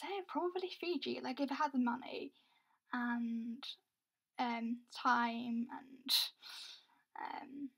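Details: Young adult woman who reports having a stammer; stuttering (stammer).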